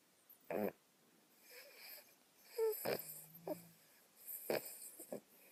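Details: Dog snoring while awake: short snorting snores and soft whistly nasal breaths in a quiet room; snoring.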